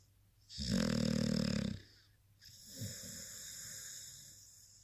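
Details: Blue-nose pit bull dog snoring while sleepy and cuddling: a loud, rough snore on a breath in, then a quieter raspy breath out.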